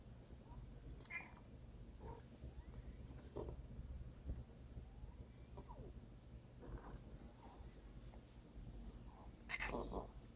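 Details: Harsh, raspy noises recurring with a cat's breathing over a low steady hum: stridor from laryngeal paralysis.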